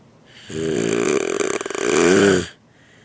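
A single long, loud, rattling snore with a deep voiced buzz, rising and fading over about two seconds; snoring.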